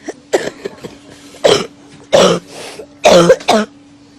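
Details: About five harsh, dry-sounding cough bursts in quick succession, claimed to be what a coronavirus (COVID-19) cough sounds like: COVID-19 cough.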